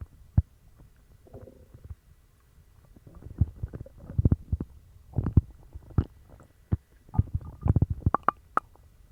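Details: Stomach growling after eating dog treats, which caused a bellyache and loose bowels: irregular low gurgles, pops and rumbles in rapid clusters; loud active bowel sounds (borborygmi).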